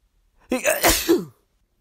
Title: Announcing my sneezes